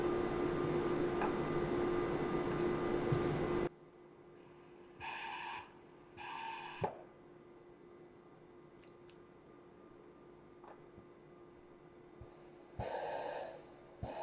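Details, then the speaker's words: Dräger Evita V800/V600 intensive care ventilator running its breathing circuit test (leakage, inspiratory and expiratory resistance, compliance) before patient admission: fan noise stops, then short hissing air bursts and clicks. "the breathing circle test determines the leakage the inspiratory and expiratory resistance and the compliance of the circuit"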